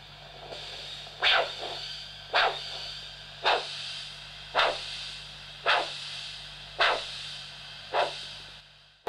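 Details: Handheld Doppler probe over the dorsalis pedis artery in a vascular examination demonstration: regular whooshing pulse sounds about 54 a minute over low hum; normal arterial Doppler signal.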